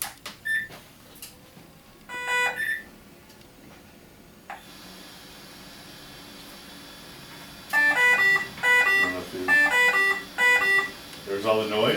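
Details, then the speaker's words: BiPAP machine start-up beeps from a V60 non-invasive ventilator at power-on: a series of electronic start-up tones, then a quiet pause and louder repeated beeping during a setup demonstration. "it says standby it's going to hit standby and in a matter of seconds it should go into standby okay so that makes the noise i'll stop"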